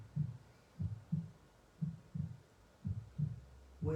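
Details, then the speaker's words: A soft, regular heartbeat of low paired thumps at about 58 per minute, played in the background of a guided breathing meditation: a steady normal heartbeat. "so hearing the sound of the heartbeat paying attention to our breath"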